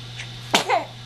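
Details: A brief breath in, then one sharp explosive burst with a short voiced tail: a single sneeze.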